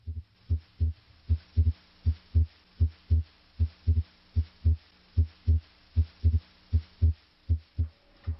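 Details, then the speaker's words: Physiologic splitting of S2: regular heart sounds about 78 a minute at the pulmonic area during deep breathing, S2 splitting into A2 (aortic) and P2 (pulmonic) on inspiration and fusing into a single S2 on expiration. "This physiologic split of S2A and S2P normally occurs during inspiration. During expiration, however, these 2 components are fused into a single sound, S2."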